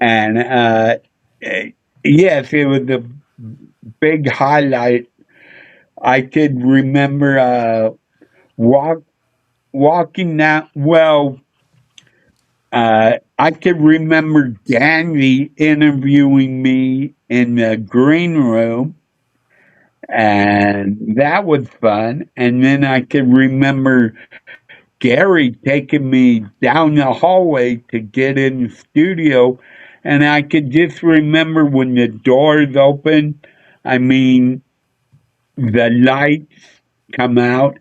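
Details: Adult male with a speech impediment he attributes to a neurological problem: MRI showed an underdeveloped back of the brain, and he hit his head on a dashboard in a car accident when younger; sometimes mistaken for drunk; speech impediment (slurred speech).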